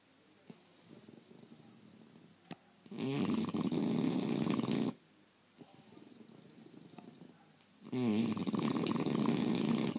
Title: GRACIE snoring